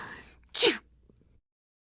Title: Female Polite Sneeze / 02